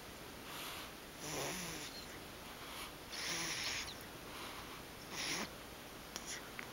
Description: Baby snores and dreams of sucking teet (just like Daddy).